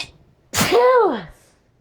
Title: tickley sneezes